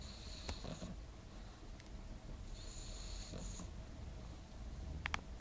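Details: Soft, snorting snores with two noisy breaths a few seconds apart from a sleeping pug, in a quiet room with a faint high whine; snoring.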